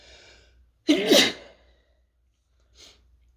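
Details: One sharp, partly stifled sneeze with a short intake before it and a faint breathy follow-up, from a sick person with a sore throat; sneezing triggered by fumes from toasting chili peppers.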